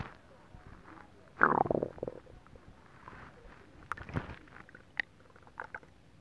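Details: Normal bowel sounds after eating a whole pot of Japanese stew soup, recorded from the belly with a TV faintly audible: a loud gurgling rumble followed by smaller bubbling pops.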